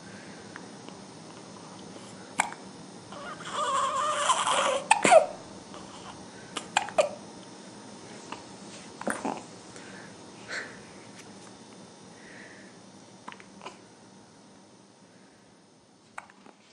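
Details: Brief, sharp gulping sounds recurring irregularly in a quiet room, with some fussing vocal sounds; hiccups.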